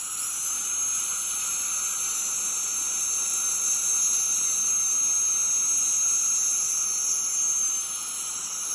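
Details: Ultrasonic dental scaler during deep dental scaling: steady high-pitched whine with hissing water spray.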